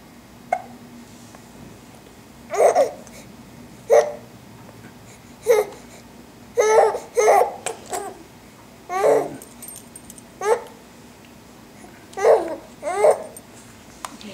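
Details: Infant girl babbling and laughing with short repeated hiccup catches every one to two seconds and brief pauses; harmless infant hiccups.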